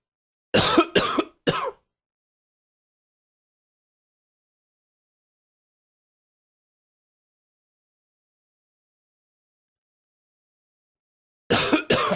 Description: A tickle that created some harder coughing.